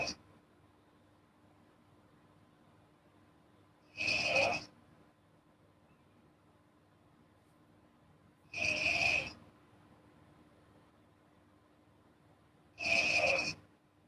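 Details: Girl sleeping, three short, hissy, high-pitched snoring bursts about every four to five seconds, with a low steady room hum: snoring.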